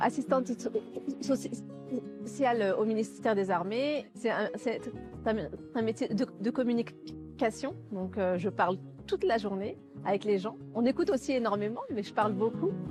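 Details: Stuttering in a 40-year-old woman who has stuttered since childhood, with onset when she started school.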